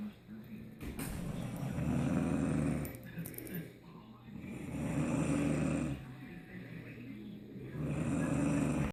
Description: My daughter's snoring after their wisdom teeth removed. Shhhhhh